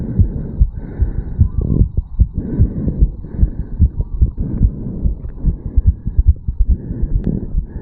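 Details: 34-year-old male, recorded at the mitral valve area just after a quick morning jog: rapid, strong heartbeat thumps, normal exercise-related fast heart rate.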